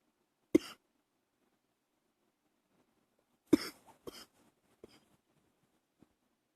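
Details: Early-morning coughing held back to keep quiet: two muffled single coughs about three seconds apart, then a few soft follow-up coughs and throat noises in a quiet room.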